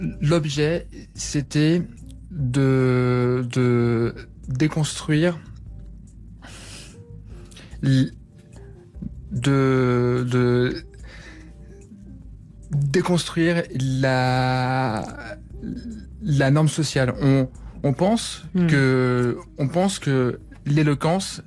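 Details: Stuttering in a young adult man who describes his stutter as having been very severe; pauses and repetitions are heard.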